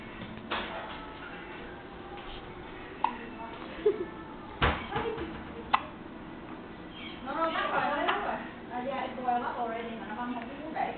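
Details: Young child, possibly around first birthday: four short, sharp hiccups roughly a second apart, followed by background talk; ordinary hiccups.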